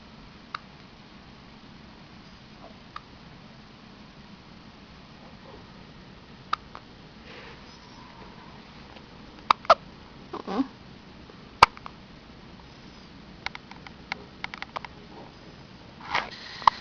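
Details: Small child (boy), who had just eaten, with hiccups: several brief, sharp, irregular catches and clicks in a quiet room; hiccups.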